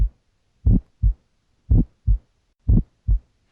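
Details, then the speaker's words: Pulmonic ejection click, heard best in the pulmonic area during expiration, adult patient lying back: regular heartbeat near 58 a minute, each first sound closely followed by a sharp high-pitched early systolic click. "Ejection clicks are high-pitched and result from faulty opening of the semilunar valves. A pulmonic click is heard best in the pulmonic area during expiration."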